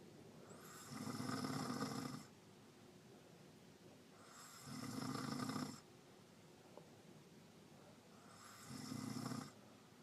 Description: Me and some of my family went on a little road trip doing some errands for a few hours and my aunt was the first to fall asleep in the car and her snoring was very loud the whole car ride!